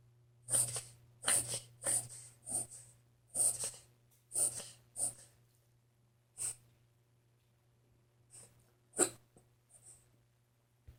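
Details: Dog with hiccups: a series of about ten short, sharp, breathy hiccup jerks, irregularly spaced and fading toward the end.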